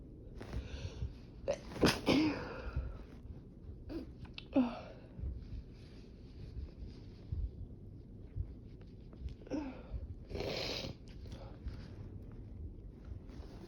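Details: Second part of a sneezing fit with an itchy nose: several sharp, explosive sneezes in quick succession with quieter breaths between, indoors.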